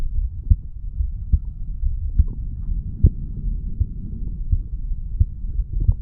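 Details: 35-year-old male's own heartbeat recorded at the mitral area after weight training: regular low thumps about 80 a minute over steady low rumble; normal heart sounds after exercise.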